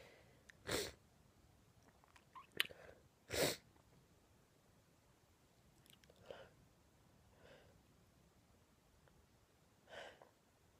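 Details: Woman with an itchy throat giving two sharp, forceful sneezes with softer breathy sounds and quiet sniffs between, in a small, quiet room; sneezing.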